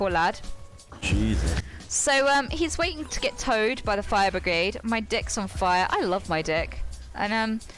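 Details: Involuntary vocal tics with obscene words in a woman with Tourette syndrome, interrupting her storytelling.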